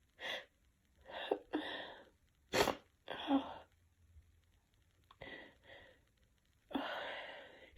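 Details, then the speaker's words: A sick person with a tickly nose and mild nasal congestion sneezes after using chhinkni: several big, wet, forceful sneezes in a row, each with a sharp intake, in a quiet room: sneezing. "Oh my god, they're so big. Chinky doesn't seem to help too much. Definitely makes it but not."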